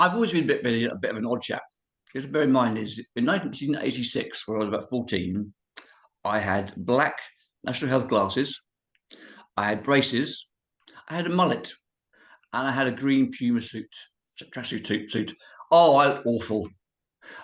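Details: Man of about 51-52 with cerebral palsy who says he has a speech impediment and cannot say certain words; dysarthria (cerebral palsy).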